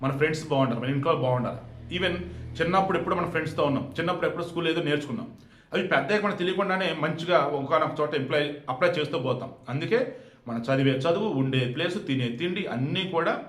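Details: Adult male speaker; Normal speech.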